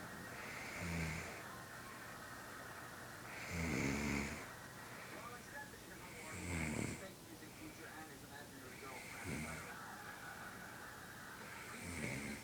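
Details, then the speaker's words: A mother snoring in her sleep at 11:42: steady snoring with regular rough, fluttering breaths about every 2.7 seconds, roughly 22 a minute, over low room noise. "Well, there it is, Mom snoring."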